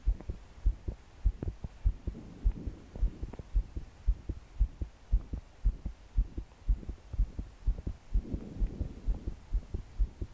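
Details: 22-year-old female trying to calm her heart to sleep after deep breaths failed. Strong, fast thudding heartbeat near 115 a minute, her body shaking with each beat, soft breathing between beats, rain behind: pounding palpitations.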